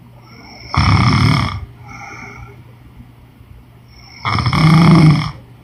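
Two loud, rough, rattling snores on the in-breath, about four seconds apart, with quieter breathing between.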